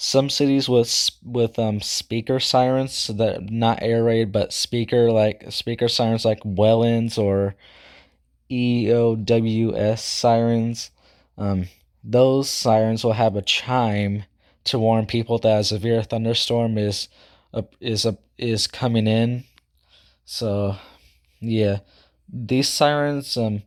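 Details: Self-reported stuttering in a male speaker who also says he talks too fast and cannot speak properly; stuttering.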